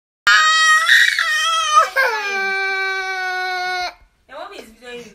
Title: HOW I STOP MY BABY FROM CRYING